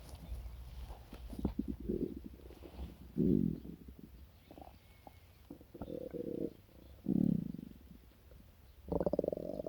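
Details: Low gurgling rumbles and squeaky groans in several bursts from the belly after breakfast; normal stomach growling (borborygmi).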